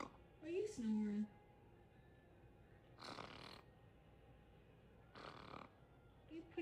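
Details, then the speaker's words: Imitated snoring: an awake parrot with eyes open makes short snort-like fake snoring sounds in a quiet room, pretending to snore. "You pretending like you snoring and your eyes aren't even closed. You snoring? That was you?"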